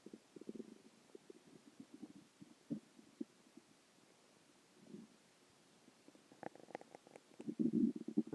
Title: stomach growling 1